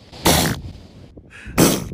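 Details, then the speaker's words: Wet, fart-like sneezes from elephant seals, filmed February 2019 in a very cold setting, possibly Antarctic. "So here is the noises that elephant seals make when they sneeze. Oh, it's just wet."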